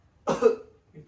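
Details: Role-played effective cough technique by a nursing student on a male patient: after deep breaths held three seconds, a single deliberate, forceful voluntary cough with a short voiced tail to clear phlegm; sputum then collected for lab examination.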